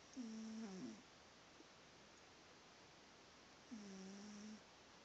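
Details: Sleeping cat snoring: two soft, low, droning snores, each under a second, with quiet pauses between them in a small room. Light snoring.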